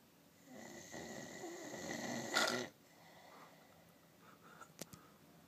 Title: The worlds worst snoring